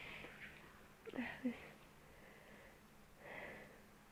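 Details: Quiet, short snorting nasal bursts and sniffs from a dog that keeps sneezing while getting its nose cleaned, with faint room hiss; small sneezes.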